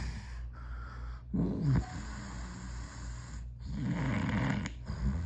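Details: Loud, rattling snores on breathing in from an adult man asleep, over steady room hum; heavy snoring during sleep.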